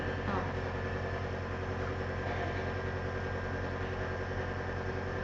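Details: Steady loud motor hum with rapid buzzing pulse of a nebulizer compressor delivering NaCl (saline) to a baby with cough from the cold; quiet talk underneath.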